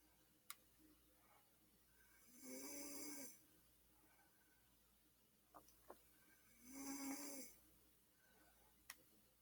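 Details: A brother snoring while asleep: two soft, rough snoring breaths about four seconds apart, with faint ticks and clicks in a quiet room.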